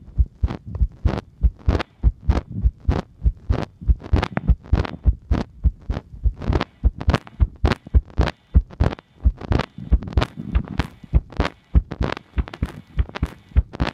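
Steady low thumping heartbeats at about 98 a minute, heard through a stethoscope.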